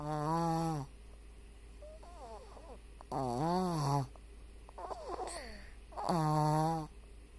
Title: Quite possibly the cutest snore ever